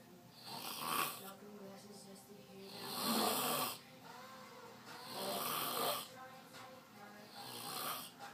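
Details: Repeated rough, rattling snores on each breath, roughly four over eight seconds, with faint background sound between them; snoring.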